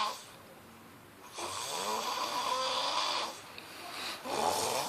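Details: Adult man snoring during sleep: harsh, noisy breaths with a rough fluttering quality, separated by a brief pause.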